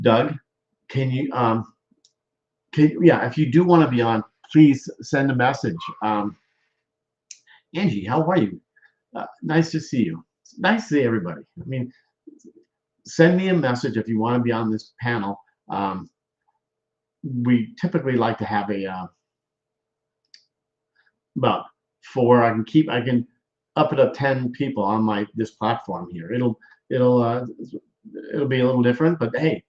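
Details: Male stroke survivor with post-stroke aphasia and word-finding difficulty; aphasia.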